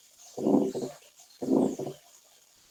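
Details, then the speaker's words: Demonstration recording for atrial septal defect: two regular cycles at about 55 a minute, each with a medium-pitched systolic murmur from increased pulmonary flow, then a fixed split second sound; ASD murmur with fixed split S2. "en la siguiente demostración se escuchan el soplo y el desdoblamiento fijo"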